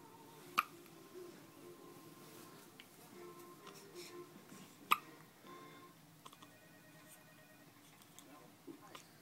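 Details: Newborn baby girl with hiccups: two distinct sharp hiccups a few seconds apart against quiet room noise and faint music.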